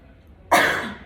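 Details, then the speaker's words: Respiratory physiotherapy demonstration of huffing, a passive directed-cough technique that targets the cough pattern or reflex to clear secretions. After inhaling through the nose, there is a single forceful open-mouth cough burst out of quiet. "Vamos con la siguiente técnica, que es también pasiva y se le denomina huffing o una tos dirigida. En este tipo de técnica está enfocado principalmente al patrón de la tos o el reflejo de la tos."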